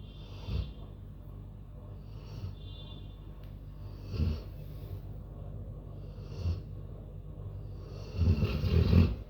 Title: dog# snoring 😴